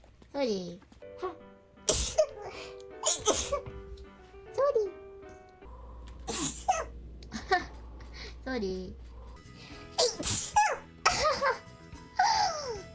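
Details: A streamer sneezing repeatedly, saying they have been sneezing a lot lately: several abrupt explosive sneezes between apologies, with background music.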